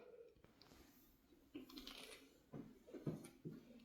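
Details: A few short crunching clicks in a quiet room from the speaker's own knee cracking, knee joint crepitus.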